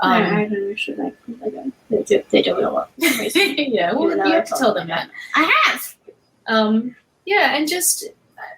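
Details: Girl, the host's eldest daughter, with cluttering; autism and ADHD also stated; speech garbles at times; cluttering.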